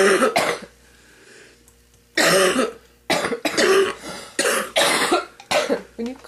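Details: Elderly woman, a smoker, coughing up mucus before her first cigarette: repeated harsh, wet-sounding coughs in quick bursts; productive cough.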